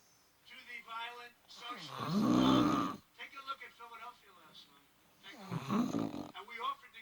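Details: Recorded asleep by a partner: two loud, rough snores a few seconds apart with television talk in the background; ordinary loud snoring.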